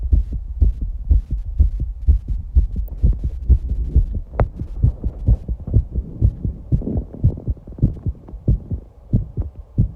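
Rapid, strong heartbeat of about 125 beats a minute with heavy breathing in the background; a normal fast heart rate after exercise.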